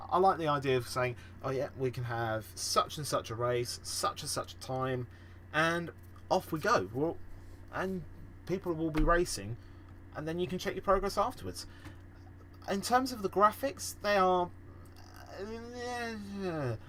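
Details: Male podcast host who says he stammers and stutters a lot; stuttering.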